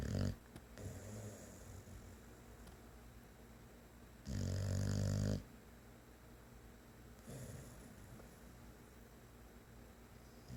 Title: Snoring boxer dog